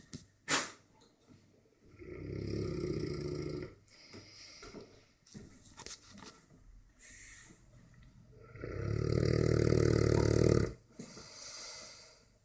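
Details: Dogue de Bordeaux dog asleep and snoring: two long, loud, low rumbling snores on inhalation with quieter snuffling breaths between.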